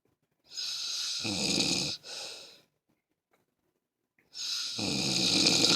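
Loud, harsh rattling snores on inhalation, two breaths separated by a quiet pause; typical snoring.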